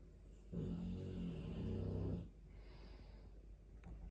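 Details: Sleeping Dogue de Bordeaux snoring: one long, low, fluttering snore about two seconds during inspiration, then quieter breathing.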